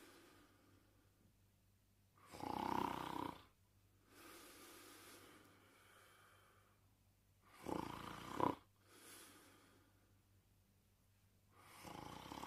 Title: Porkchop Sleeping & Snoring